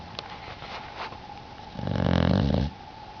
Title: snoring bluenose pitbull puppy